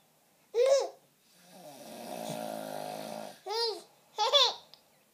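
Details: Long, low, buzzing snore-like breath between short bursts of a baby's laughter: snoring.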